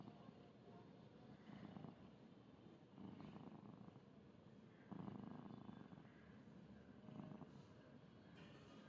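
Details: A fluffy pet cat named Nico snoring loudly while sleeping, so loud it sounds like a human sleeping nearby: snoring.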